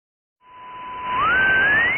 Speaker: That sound. That's what some people are hearing all the time. So what's it like to have a constant screech in your ear that you can never escape?